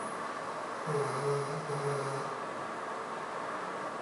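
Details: 14-year-old mixed-breed dog sleeping at the vet after respiratory distress, extreme panting, vomiting and falling, then two blood draws and two shots. One low, buzzing snore over a steady background hiss.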